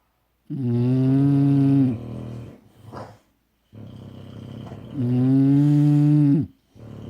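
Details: Loud, low, droning snores on each in-breath with a rattling, buzzy quality, two long cycles separated by quiet out-breaths; snoring.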